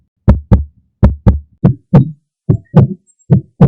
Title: PUPPY HEARTBEAT SOUND | HEARTBEAT Sounds For Puppies